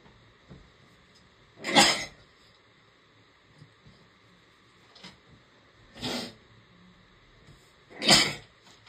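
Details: Mother sneezing: three sharp, forceful sneezes a few seconds apart in a quiet room, followed by thanks; sneezing.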